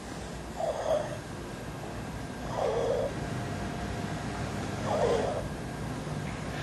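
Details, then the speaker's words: Girl with severe croup, early signs of hypoxia, marked respiratory effort and gross suprasternal retraction, intubated moments later: despite her effort the inspiratory stridor is quite soft, suggesting very tight obstruction. "despite her efforts to breathe the stridor is quite soft suggesting that the obstruction is very tight it's important to appreciate this point"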